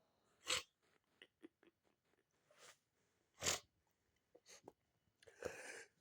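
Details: Two sharp, loud sneeze bursts with sniffing and small nasal noises between them; sneezing with sniffles.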